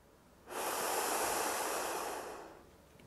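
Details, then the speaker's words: Ellipta dry powder inhaler demonstration: after exhaling and sealing the lips around the mouthpiece with the air vent uncovered, one long, steady, deep airy inhalation of about two seconds. "so put your lips so first exhale put your lips around the nozzle"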